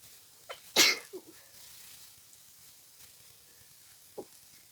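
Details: A single strong, explosive sneeze with a short lead-in breath, then faint sniffs in a quiet room, from a person with a congested head cold, sneezing repeatedly all day with nose tickling, dizziness and headache.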